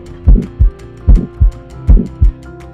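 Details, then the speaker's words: Regular heartbeat about 75 a minute with a rough whooshing between the beats over background music; a systolic murmur of aortic stenosis, where the aortic valve does not open and close properly. "change occurs when the aortic valve does not open and close properly which affects how oxygen-rich blood leaves the heart with each beat"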